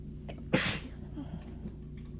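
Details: A single sharp, forceful sneeze after a brief in-breath, then quiet breathing, during an intense, itchy, painful sneezing fit. Some sneezes came from the chest, with possible faint wheezing on exhales during buildups.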